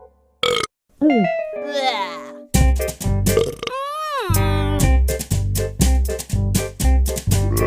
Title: love Burps #shorts